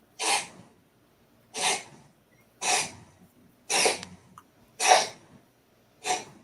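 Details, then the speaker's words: A cat gives six short, hissy, forceful coughs in a row, about a second apart; the owner says she coughs like this once in a while; cat coughing. "is that noise that's my cat coughing oh [Laughter] she does that once in a while"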